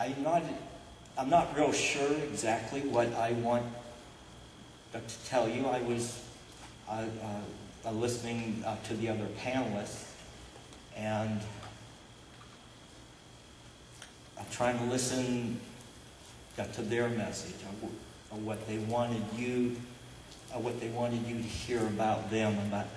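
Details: Adult man who describes himself as stuttering all over the place despite attending a covert stuttering workshop; stuttering.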